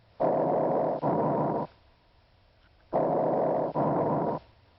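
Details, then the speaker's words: Two loud, harsh, hollow breaths with a short gap between inspiration and expiration: bronchial breath sounds, louder and higher-pitched than vesicular sounds. "bronchial breath sounds are harsher louder and higher in pitch than vesicular sounds they are often heard over the trachea and main stem bronchi"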